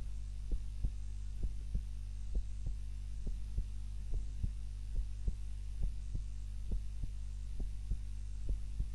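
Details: Heart sounds recorded during a daytime nap with a timer, lying on the back (supine) rather than the usual prone position: regular soft thumps about 67 beats a minute over a steady low hum; normal resting heartbeat.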